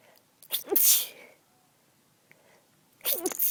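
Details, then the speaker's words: Two short, muffled, hissing stifled sneezes with a clipped breath catch, at night in a quiet house, after cleaning a dusty closet while recovering from a cold with mild congestion. "I'm also kind of trying to stifle them because I got a request to stifle but I'm not very good"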